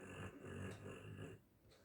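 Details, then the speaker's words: Dog snoring at night (11:15 pm) while sleeping under a heavy blanket, body trembling: low, rumbling, buzzy snore lasting just over a second, then quieter breathing. "কেঁপে কেঁপে নাক ডাকছে, দেখছো? ওরে বাবা, দেখতে পাচ্ছ, শুনতে পাচ্ছ তোমরা কেমন করে নাক ডাকে জোজো?"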